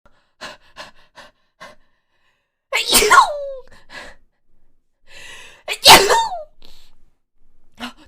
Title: 재채기 26호기